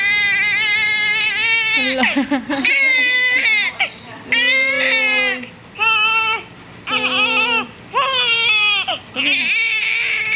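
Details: A baby, woken from sleep and said to be hungry, cries loudly in repeated strong, high-pitched wails with short breaths between them.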